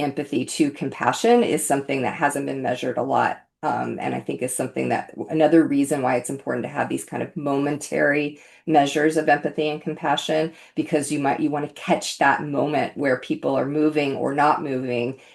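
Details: Adult speaker; ordinary speech.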